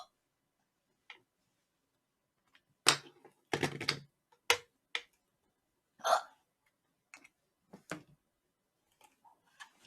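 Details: Young Korean woman hiccuping during a live stream: short, sharp, abrupt sounds at irregular intervals, about six in ten seconds.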